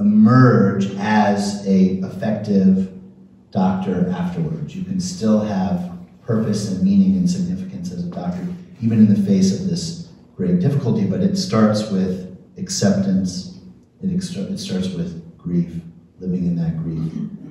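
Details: Adult male speaker; normal speech.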